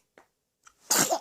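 Two faint catch breaths, then a single sharp, hissing infant sneeze burst.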